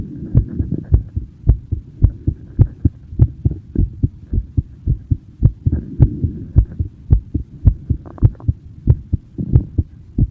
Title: My heartbeat sound (in person)